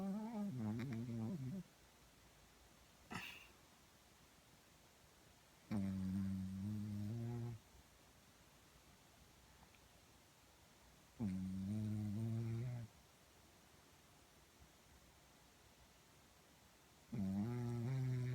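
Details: Sleeping dog recorded on a phone with background noise: slow, tonal humming snores about every five seconds, roughly 11 a minute, with quiet gaps; ordinary dog snoring.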